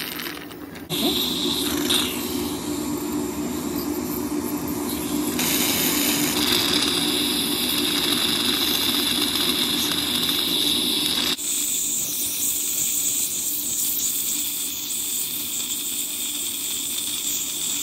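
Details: Dentist performing teeth scaling and polishing on a patient: steady high whine with rough buzzing tone and suction hiss from the scaling and polishing instruments.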